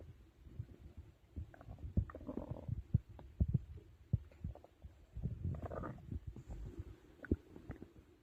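Low gurgling and rumbling bowel sounds with bubbly pops, the normal stomach growling of digestion after a large meal.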